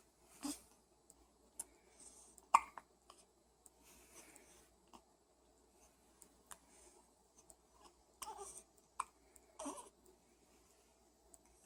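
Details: Quiet room with soft, abrupt little catches repeating every few seconds; hiccups.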